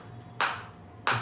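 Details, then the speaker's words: Focused (not radial) acoustic shockwave therapy device firing on the operator's own uninjured body, not on a joint: two sharp, hissing snaps about half a second apart. "और आप ये sound भी सुन सकते हैं focus shop की इस तरीके से।"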